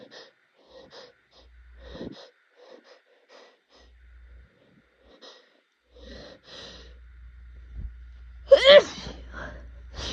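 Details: Rapid allergy-season sneezing fit: a run of quick, short nasal bursts building to a loud, powerful, wet, snotty sneeze near the end.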